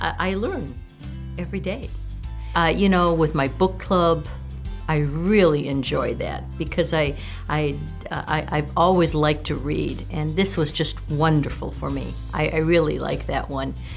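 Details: Aphasia after stroke in a participant at an aphasia recovery center, with repetitions.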